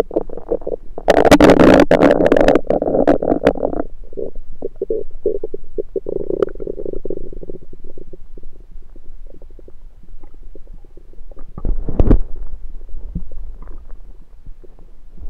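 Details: Bowel sounds (borborygmi) of a rumbling stomach recorded with a USB stethoscope: loud gurgling rumble followed by softer bubbling and a late gurgle, ordinary active bowel sounds.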